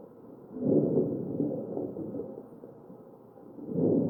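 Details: Crackles in a ventilated patient, chest auscultation.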